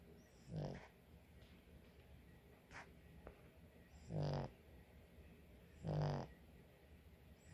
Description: many times sleep with snoring. its so funny and cute. enjoy ! :)